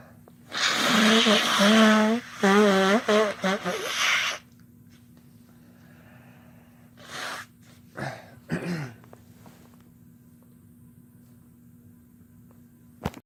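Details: Sneezing together by a man and a woman: loud sneeze bursts with voiced onsets from two adults, followed by brief quiet replies; ordinary sneezing.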